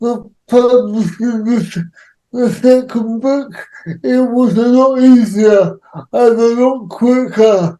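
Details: Dysarthric speech in an adult man with cerebral palsy.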